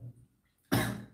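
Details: A single abrupt cough after brief near-silence, fading quickly; cough.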